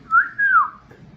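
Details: Whistling vocal tic in Tourette syndrome: a brief, sudden two-part whistle, rising then falling in pitch, out of context with speech; an involuntary tic.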